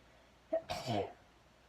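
A brief catching breath in, then one sharp explosive burst of air: a single ordinary sneeze.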